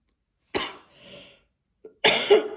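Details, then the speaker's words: Two harsh, forceful coughs from an adult with COVID for about ten days, unable to stop coughing and voice partly lost; the first trails into a breathy exhalation before a brief catch and the second burst. "mais bon là je n'en pouvais plus je n'arrêtais pas de tousser d'ailleurs j'ai la voix qui est un peu partie euh j'ai la covid depuis une dizaine de jours"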